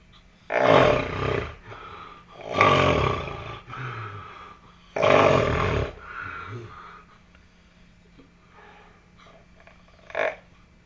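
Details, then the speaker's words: A young man asleep on vacation snores again at 8 a.m. after getting up for the bathroom. Three loud, harsh, rattling snores each end in a quieter exhalation, then softer breathing and a final snort: heavy snoring. "Está agarrando vuelo y ahí viene nuevamente su ronquido. Prepárense a escucharlo."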